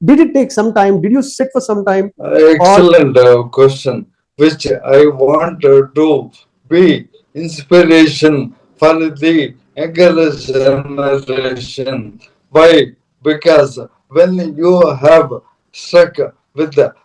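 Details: Adult man, a corporate strategist of 30+ years, ill since 2022: Parkinson's, diagnosed late, then ALS (motor neuron disease) diagnosed last year; mobility and speech very severely affected; dysarthria.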